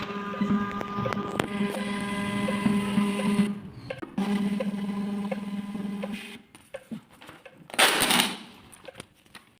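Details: Uniwer UMS 7E12 12-channel ECG machine with thermal printer, printing a recording: steady mechanical whirring hum of paper feeding, pausing briefly and then stopping.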